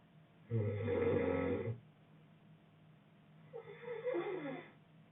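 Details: Adult man snoring: two snores, a loud low rattling one on the in-breath and a softer one, with quiet breathing between.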